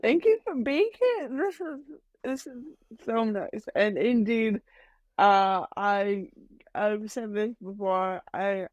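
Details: Adult woman with mild cerebral palsy that she says mainly affects her speech and motor skills, speaking in a podcast interview; dysarthria.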